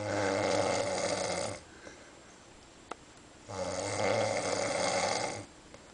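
Two long, loud, rough snores a few seconds apart with quiet pauses between: heavy snoring during sleep.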